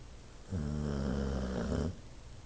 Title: Toby Snoring